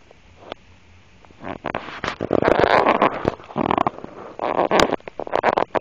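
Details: Adult woman's stomach noises: bursts of gurgling, bubbling rumbles after a quiet start; ordinary bowel sounds, borborygmi.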